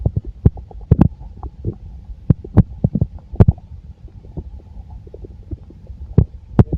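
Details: Full stomach: frequent low gurgling rumbles and pops from the belly; ordinary active bowel sounds.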